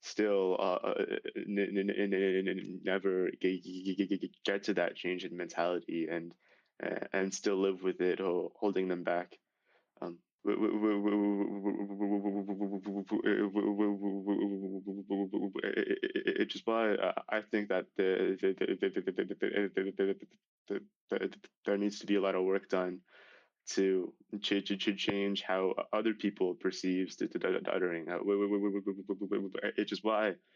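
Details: High school senior male with real developmental stuttering that began severely at age 10, after six years of speech therapy; stuttering.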